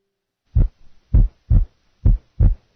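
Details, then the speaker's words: Simulated heart sounds with a physiological split second heart sound: the second sound splits on inspiration and stays single on expiration; normal finding. "listen now to a physiological split second sound the split is audible on inspiration the sound single on expiration"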